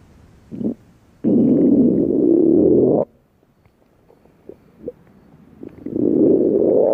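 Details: Hunger-related stomach growling (borborygmi) at a night beach: low droning gurgles in long rumbling stretches with brief grumbles between, against faint surf noise.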